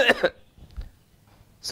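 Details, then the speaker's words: An imitated cough in three paroxysms, demonstrated as an example cough sound; paroxysmal cough. "cough in three peroxisms and that's the cuff of Cupra Metallica where you have cough in three peroxisms"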